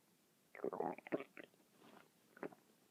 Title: my stomach is making noises again for 6 mins